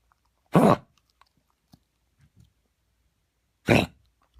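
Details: Coughing fit in a dog: two harsh, explosive coughs about three seconds apart with faint snuffles and clicks between; coughing every few seconds for minutes, on and off for half an hour.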